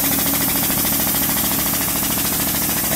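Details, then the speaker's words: Steady rapid buzzing rattle as a SensorMedics 3100A neonatal high-frequency oscillatory ventilator starts oscillating during setup and calibration, mean pressure set about 19 to 21. "this needs to be at six is it three six yeah and then you can start oscillating"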